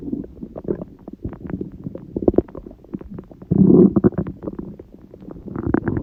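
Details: Stomach growling (borborygmi) recorded at 1:30 a.m. after overeating udon at 19:30, the first gluten in a while: continuous low gurgling and bubbling rumbles with a louder surge midway, ordinary digestive bowel sounds.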